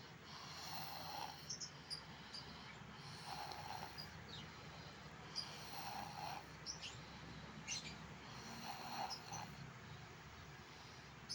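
Rhythmic rattling snores, about 24 a minute, over steady background noise; snoring in sleep.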